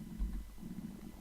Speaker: if you can hear that rumbling that's my tummy rumbling